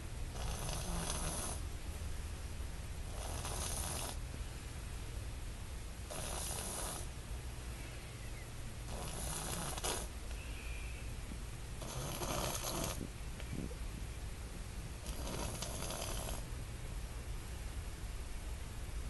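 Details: Soft, regular snoring from a sleeping infant, about every three seconds (roughly 20 a minute), over a low room hum.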